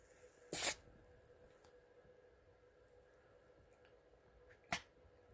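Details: A sharp, forceful nasal burst, then a quieter second snort a few seconds later in a quiet room, from a Chihuahua–Miniature Pinscher mix dog who had treatments and suffered medication side effects; violent sneezing attack.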